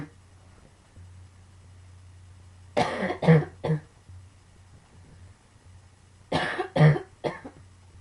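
Two bursts of three harsh, dry coughs each in a quiet room; chronic cough from sarcoidosis of the lungs.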